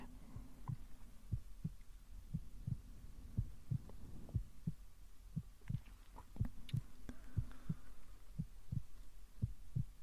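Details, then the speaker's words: Acted ASMR medical exam, simulated: soft, steady paired heart thumps at about 60 a minute over low hum during a pulse check at the wrist, described as a strong, steady heartbeat at a good rate. "Okay, that seems good. A nice, strong, steady heartbeat at a good heart rate as well. So that's a very promising sign."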